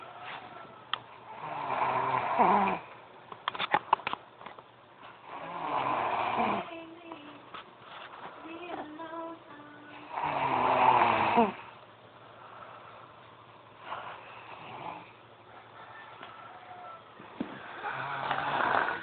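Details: Girl snoring loudly: irregular snores of uneven loudness, some rough and some softer and gurgly, with faint snorts between.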